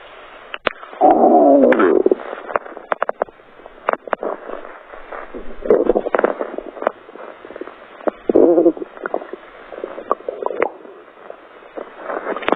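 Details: Gurgling, bubbling bowel sounds (borborygmi) with frequent sharp clicks and several louder rumbling bursts from the abdomen.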